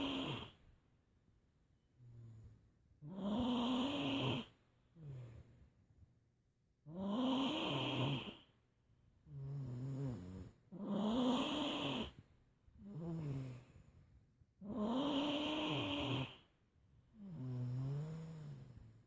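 Loud, regular rumbling snores on each breath in, with softer whistling breaths out, about 15 breaths a minute; steady heavy snoring.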